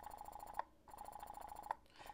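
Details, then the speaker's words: Steady motor whine with a fluttering pulse and a sharp click about once a second: an electric breast pump in expression mode, switched by button from the two-minute letdown mode, in a Medela Pump in Style versus Spectra S2 comparison. "what it sounds like once you're in expression mode"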